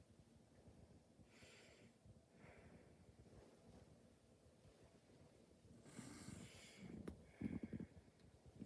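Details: Normal breath sounds.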